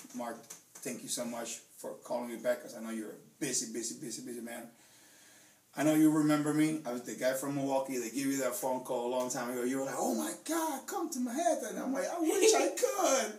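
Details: 35-year-old man with Tourette syndrome, diagnosed only at age 35, with long-standing coprolalia (swearing tics); speaking naturally, with a vocal tic of word repetition.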